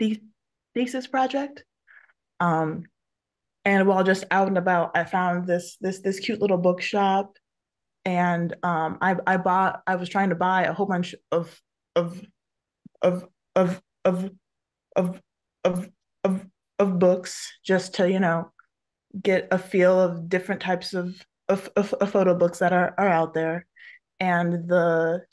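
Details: Adult woman who stutters, with audible word repetitions and eye closing while stuttering; stuttering.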